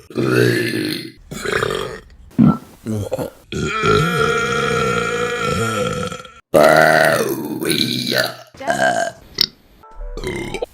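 Series of loud, drawn-out belches of varying length and pitch, separated by brief pauses; repeated burping.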